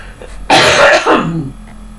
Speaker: sorry, I don't have COVID, that's an asthma cough.